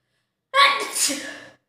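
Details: One loud, sharp sneeze with a quick indrawn breath before the burst, deliberately provoked with red chilli powder during a sneezing challenge.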